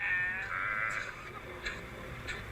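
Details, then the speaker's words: Harsh short coughing bursts with a bleat from wild bighorn lambs filmed on Pikes Peak in summer; all six lambs in the group showed pneumonia symptoms, part of bighorn sheep respiratory disease. "THERE WERE SIX LAMBS, I BELIEVE, IN THE GROUP, AND EVERY ONE OF THE SIX LAMBS WERE DISPLAYING SYMPTOMS OF PNEUMONIA. [SHEEP COUGHING] YOU CAN HEAR THE SOUND."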